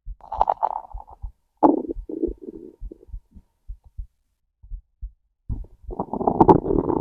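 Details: Hungry stomach growls with heartbeat, recorded close to the abdomen: loud gurgling, rumbling growls in bursts with soft low heartbeat thumps between; ordinary hunger bowel sounds.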